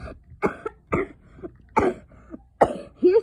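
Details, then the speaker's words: A sick boy playing a video game gives four short, harsh coughs in about three seconds, spaced fairly evenly; a heavy cough. "Here's some coughing on the way, by the way. Here's some coughing while you're being bored."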